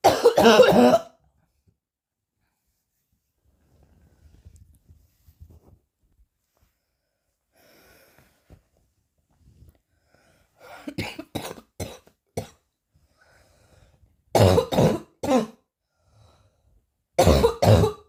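Repeated harsh coughs in bursts, separated by quiet breathing: about a dozen forceful coughs.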